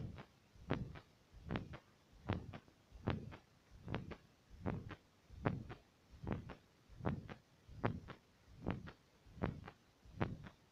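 Steady heartbeat through a stethoscope, about 80 beats a minute, regular lub-dub pairs.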